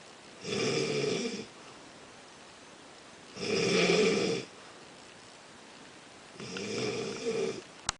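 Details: Snoring during sleep: three loud, harsh, rattling breaths about three seconds apart, roughly 20 a minute.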